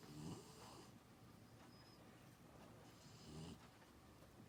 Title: 13 week old springer spaniel snoring 💤